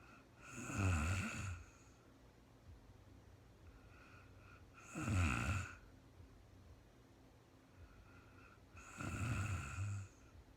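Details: Woman asleep at night, recorded in real time, snoring: regular low snores with a soft whistling edge, about 14 breaths a minute, in a quiet room; ordinary snoring.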